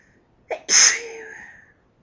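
A quick inward gasp, then one loud, hissing sneeze trailing off; an allergic sneeze.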